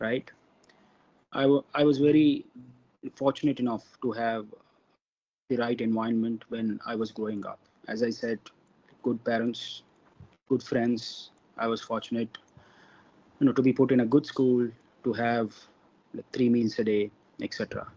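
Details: Adult man from India who stammers, with involuntary stuttering acquired at about age four or five; stuttering.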